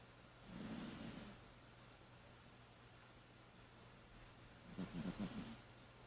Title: Kitty cat snoring ,He has asthma￼